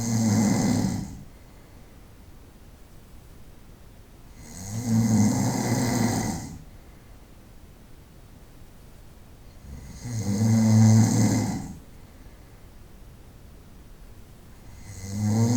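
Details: Night-time snoring recorded over about 25 minutes: slow, regular rumbling snores about every five seconds, roughly 12 breaths a minute, over a steady background hiss.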